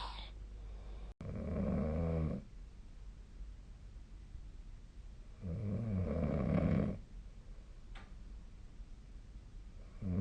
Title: 🐽 本日のイビキ / Snoring Sleep Sound 2025/02/21